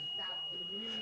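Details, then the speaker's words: Long continuous high-pitched beep from a foster baby's monitor after she yanked one of its leads out: steady beep over faint room sound; monitor lead-off alarm. "She's yanked on the machine and when one of those leads comes out it makes a long beeping noise."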